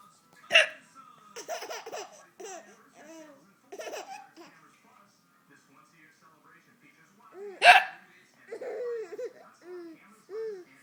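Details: Mother's hiccups: two abrupt, sharp hiccup bursts, each followed by a child's giggling and high-pitched laughter.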